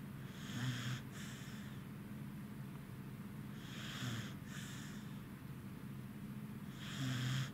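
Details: A tired Corgi dog sleeping beside another dog, snoring softly with a faint hiss on each breath, about three breaths in seven seconds, over steady room noise; snoring.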